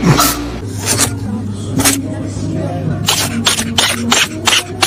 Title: a cat sneezing 😄🐱